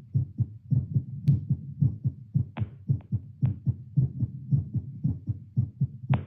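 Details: Heartbeat through a Littmann CORE stethoscope after squats: quick, fairly regular low heart thumps near 110 beats a minute with faint rubbing clicks; fast heartbeat after exercise.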